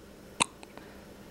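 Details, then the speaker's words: Infant girl with hiccups, held by her mother, usually fusses with them but calm now: a single sharp hiccup burst then two fainter echoes in a quiet room; ordinary infant hiccups. "here's chloe she always gets the hiccups i wanted to get in my video because they're cute"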